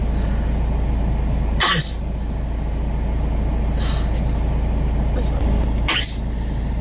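Two sharp, forceful sneezes about four seconds apart, with steady low road and engine rumble in the background.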